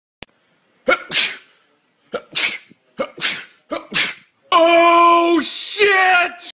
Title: When you sneeze too much vine